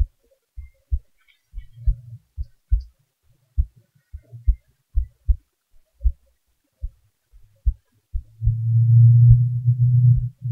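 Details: A person's own heartbeat recording with the volume raised: soft, low thumps at about 75 a minute, somewhat uneven in loudness, with a low hum near the end. An ordinary resting heartbeat; normal heart sounds.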